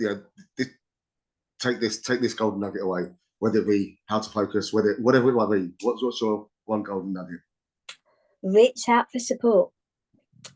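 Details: Adult speaker; ordinary speech.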